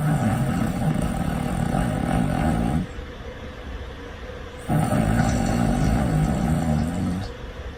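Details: Loud, deep, rattling snoring in deep sleep on long in-breaths, with quieter pauses between; the snorer recorded themselves.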